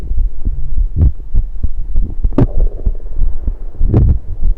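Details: Low, regular normal heart sounds at about 97 per minute recorded on own chest with a USB electronic stethoscope while drinking soda, with rumbling and gurgling from esophageal burps mixed in.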